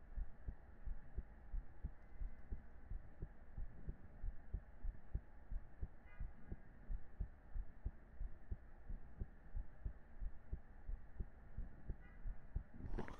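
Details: Streamer's own heartbeat picked up by a microphone during an ASMR stream, with the streamer feeling hot and jumping jacks mentioned: steady low thumps about 90 beats a minute over faint room hum; normal heartbeat.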